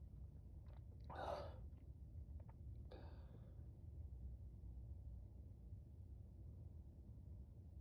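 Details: Deliberately induced wet sneezes from a person with a cold that week: a loud burst with a sharp intake, then a shorter second sneeze, over low room noise.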